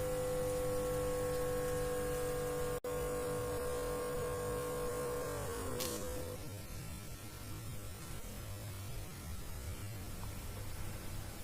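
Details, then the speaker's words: Digital blood pressure monitor, cuff on the right upper arm rather than the left: a steady humming pump inflates to nearly 200 mmHg and stops after about five seconds, then a hiss and quieter deflation noise. "ya tadi kita bisa melihat pengukuran saya ya hampir di angka 200 itu saya lakukan karena saya menggunakan manset di tangan kanan saya ya tidak di tangan kiri saya"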